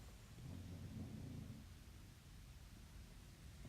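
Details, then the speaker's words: English Bulldog sleeping beneath the owner during a recording: a single low, rumbling snore lasting about a second, then quiet room noise; dog snoring. "You may hear one of my dogs beneath me while I'm doing my recording. If you've ever been around an English Bulldog, you know that they snore like freight trains, and it's just absolutely impossible to stop."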